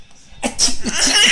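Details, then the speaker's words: Acted adult sneeze, a sharp hissing burst, followed by a baby's giggling bursts as the baby laughs at the sneeze. "he's to sneeze and you're going to laugh at him okay no laughing at sneezes"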